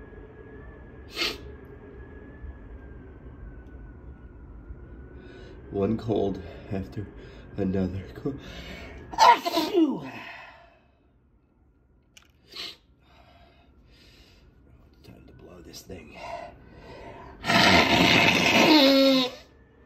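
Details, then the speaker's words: Congested sniffing and a nose blow, then a loud sneeze burst from an adult with a stuffed-up head cold, the third in four months. "Oh, when I sneeze, when I blow, I always have to sneeze right now."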